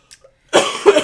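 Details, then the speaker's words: Short, harsh adult cough in two quick bursts in a small indoor room; speaker says they are still sick, apologizing for all the coughing; an ordinary cough. "we're still sick by the way so I'm sorry for all the coughing"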